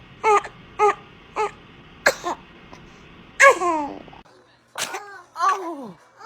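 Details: Newborn makes a run of small, high-pitched, squeaky sneeze bursts followed by brief fussy cries; newborn sneezing.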